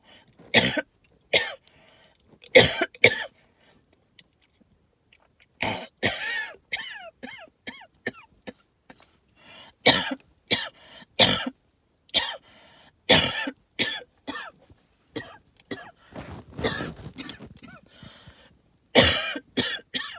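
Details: Owner attributes symptoms to tree pollen and mold spores: repeated harsh, hacking coughs and throat clearing, with whistling wheezy breath sounds between some bursts; wheezing with hacking cough.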